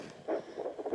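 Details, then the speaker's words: Rapid, rhythmic whooshing pulses of a fetal heartbeat at 20 weeks of pregnancy, hard to find at first with a home handheld Doppler on the belly; baby started kicking; faint background hiss. "our adult heart beats it was hard to find found the baby in the baby didn't like it the baby started kicking that"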